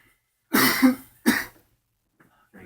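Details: Cough.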